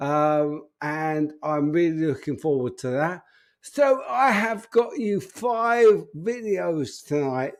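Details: Adult man with an upper motor neuron disorder affecting speech, getting more evident; speech currently not great, awaiting news on his condition; spastic dysarthria (upper motor neuron).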